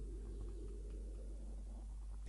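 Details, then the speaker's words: Adult's stomach heard at a distance while talking: low, continuous gurgling rumble with soft bubbling swells; ordinary stomach rumbling (borborygmi). "Did you hear that? That's my stomach."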